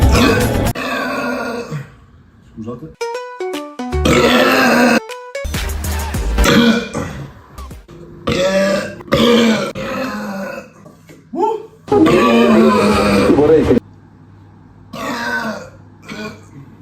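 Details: Several loud, low, drawn-out belches over background music; burping.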